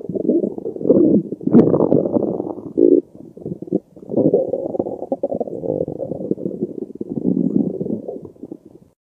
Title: digesting spaghetti carbonara 😊💓